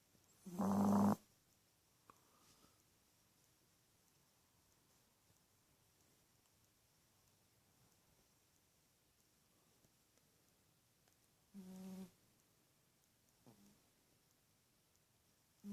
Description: Our little teacup Chihuahua snoring her head off!